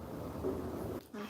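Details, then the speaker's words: Brief, low, gurgling stomach growl, about one second, from a young woman during a livestream; she wonders if it is because she is full. "Did they hear that? My stomach just growled. It just growled."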